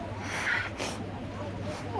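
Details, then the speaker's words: Wet sneeze from a woman with a cold, possibly triggered by dust, during a livestream: a brief voiced intake, then a single sharp, noisy, wet-sounding burst over a steady low hum. "我感冒了。啊，这么热的天。我又想打喷嚏。"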